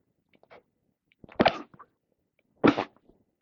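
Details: Sneezes from a person with a cold that is mostly in the chest with a dry cough, recorded throughout the day: two short, muffled, half-held-back sneezes after faint in-breaths.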